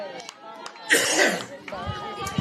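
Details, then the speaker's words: Adult male sports commentator's brief coughing fit after choking on his own words during a live broadcast, with a harsh, noisy cough burst amid voiced sounds. ">> Don't know what happened there, ladies and gentlemen. My apologies. >> I literally just choked on my own words."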